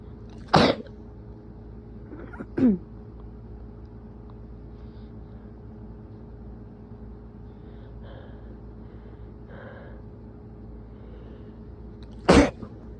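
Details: Person with a cold still in the nose and throat: two forceful sneezes with a short build-up breath between them, in a quiet room with a steady hum; sneezing.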